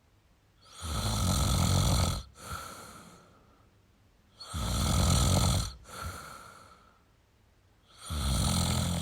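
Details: Male snoring: loud, rough low snores on each breath in, with softer breaths out, about 18 breaths a minute.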